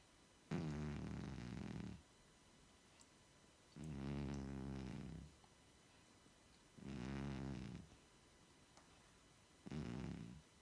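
Slow, buzzing snores on each breath, about 20 a minute, with quiet pauses between: a sleeping cat snoring.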